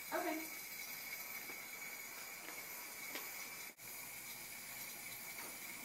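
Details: Continuous soft hiss of a running jet nebulizer delivering sterile water aerosol to a groggy post-surgical patient in an acted humidity and aerosol therapy demonstration, with faint room sounds; normal device flow.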